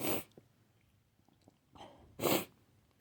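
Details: Two short, wet, snotty sneezes with a soft snort between them; repeated sneezing.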